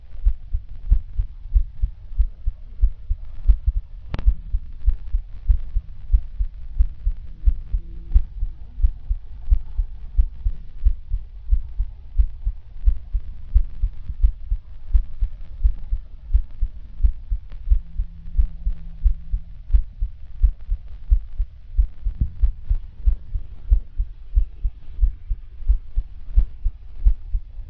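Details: Regular low heart thumps at about 88 beats a minute with faint hum behind, recorded through a digital stethoscope chest piece placed on a patient's chest; normal heart sounds.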